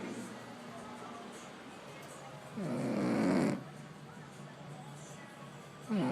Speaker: all right my wife is snoring she does not believe she's a snorer she says i'm a heavy breather i'm going to prove her